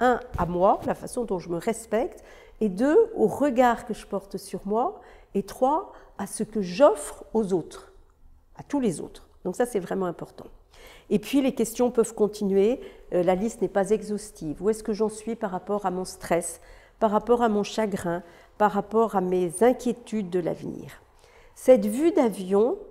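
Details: Adult woman; typical speech.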